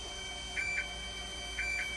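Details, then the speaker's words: Dialysis machine showing a low flow error after running for over an hour: paired high electronic alarm tones repeat over a steady machine hum. Dialysis machine low flow alarm. "Hi mga kakina part two tayo Ayan lumabas na yung low flow error"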